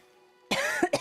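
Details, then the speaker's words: Post-COVID cough in an adult with slow recovery and lingering sinus swelling; coughing is triggered by eating, drinking and talking: two harsh coughs, a longer then a short one, over quiet background music. "Everything makes me just eating makes me cough. Drinking makes me cough. Talking makes me cough."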